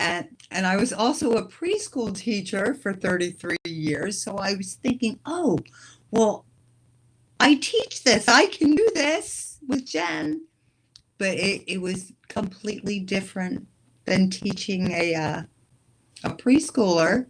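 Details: Adult woman; typical speech.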